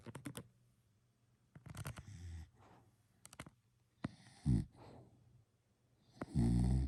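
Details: Snoring: short snorting, rattling breaths with clicking and quiet gaps, ending in a louder low snore; intermittent snoring.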